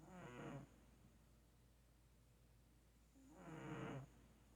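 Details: Sleeping cat snoring softly with a low, slightly tonal rattle on each breath, about two breaths heard over a steady room hum.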